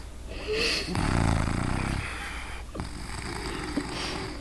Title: Halloween night snoring!.MP4